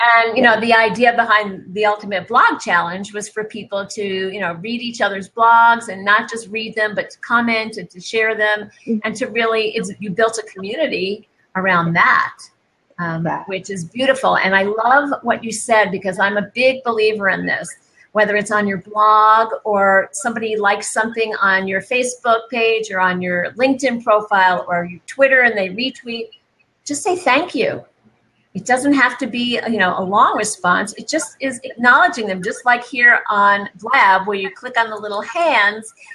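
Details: Adult woman speaking; normal speech.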